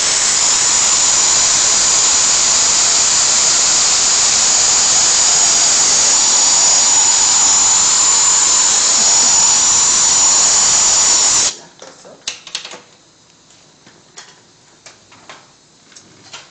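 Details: Dental rotary handpiece shaping root canals during thermomechanical root canal treatment; steady high-pitched whine for about eleven seconds, then stopping, with faint clicks and handling sounds.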